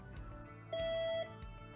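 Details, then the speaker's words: ForceTriad electrosurgical unit REM (return electrode monitoring) test with a QA-ES III analyzer: a single steady half-second electronic tone as resistance is raised in 1-ohm steps, expected between 77 and 91 ohms; return electrode alarm. "and slowly increase the resistance in one ohm increments until the REM alarm sounds the alarm should sound between 77 and 91 ohms"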